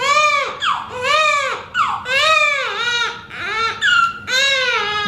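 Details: Newborn girl at hospital discharge, fussy while being dressed to go home; mother notes red spots or rash on face, hand and leg, cause unknown. Loud, rhythmic, high-pitched crying in fussy bursts with brief gasps; ordinary healthy newborn cry.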